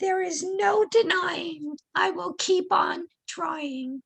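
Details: Adult woman reading her own poem, who has vocal cord paralysis without pain or choking on swallowing; vocal cord paralysis.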